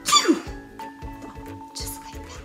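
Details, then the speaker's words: Cough in a children's hygiene lesson video teaching to catch a cough or sneeze in the elbow. "when you feel either a cough or a sneeze coming you get your elbow ready and you go ahead"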